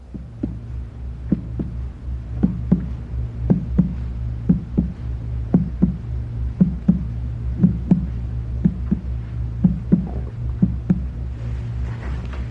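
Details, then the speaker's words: Regular finger-tap percussion down the right midclavicular line, moving from hollow tympany below the liver up to dullness at its lower border. "percuss the span of liver dullness in the right midclavicular line from an area of Tony well below the expected liver percuss up to the lower border of liver"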